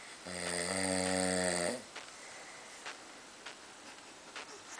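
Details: Ordinary snoring: one loud, rattling, buzzing snore on an in-breath, then quiet breathing with a few soft clicks.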